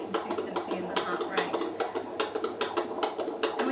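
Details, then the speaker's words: Fetal heart rate monitoring during an antenatal check, maternal pulse checked first to rule out maternal heart rate; expected range 110 to 160 beats per minute; normal fetal heart sounds. "so we generally expect the heart rate to be between 110 and 160 beats per minute and we're listening for the how fast it's going"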